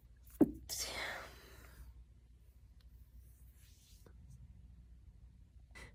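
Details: A sharp indrawn catch, then a single explosive sneeze from a woman, fading into breathy air, followed by quiet room sound; sneezing.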